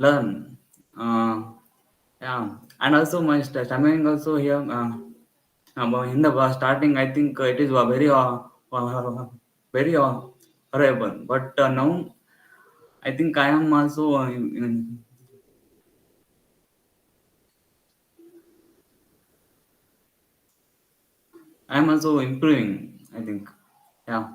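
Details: Adult member of a stammering self-help group; real speech showing stuttering with repetitions and fillers.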